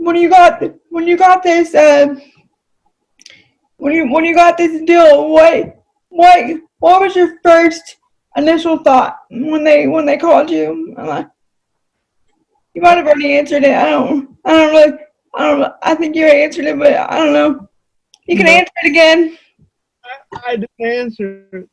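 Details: Adult female with cerebral palsy; dysarthria (cerebral palsy).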